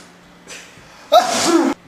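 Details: Simulated sneeze in a comedy sketch: a brief inward gasp followed by one loud, explosive sneeze.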